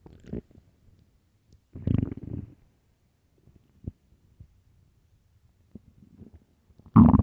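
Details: Early-morning stomach growls recorded for headphones: close quiet gurgles and low rumbling bursts from the belly, ending in one louder growl; ordinary hunger growls.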